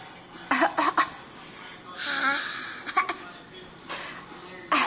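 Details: A young child gives several short, sharp coughs in quick bursts, with a brief voiced sound between them, in a quiet room.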